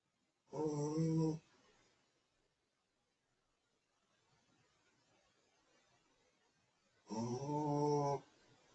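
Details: Pekingese dog snoring: two loud, rumbling snores about six seconds apart, each followed by quiet breathing out, in a quiet room.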